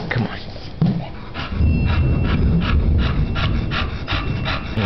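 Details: Big bulldog panting rapidly and rhythmically, roughly 200 breaths a minute, with a person talking nearby.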